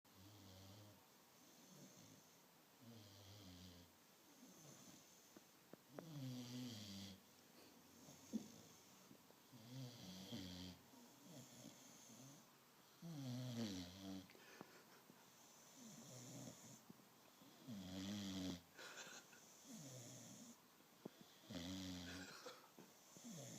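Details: Sleeping American Bulldog snoring: loud, rhythmic rattling snores roughly every three to four seconds.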